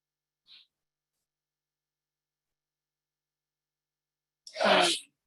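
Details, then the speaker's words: Background sneeze during an online talk: a faint brief sound, then one loud, abrupt, explosive sneeze in an otherwise quiet room. "Did you hear the sneezes in the background here?"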